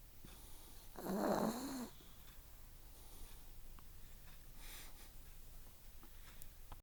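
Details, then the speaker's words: Snoring in a sleeping 4-year-old female chihuahua during a nap: one loud, harsh, rattling snore followed by quieter breathing in a small room; she has recently started snoring loudly when napping. "Somebody has a big snore for a tiny puppy. Mm-hmm. She does have a really good snore."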